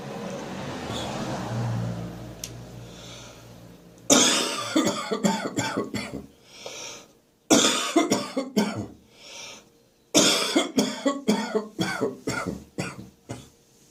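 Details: Adult morning cough with catarrh still in the chest and throat: three bouts of rapid, loose, rattling coughs, each separated by a breath; productive cough with throat clearing.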